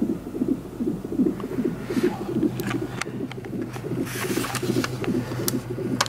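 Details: Rapid, rhythmic whooshing fetal heartbeat on a labor monitor, about 150 beats a minute, in a first-time mother in labor on pitocin.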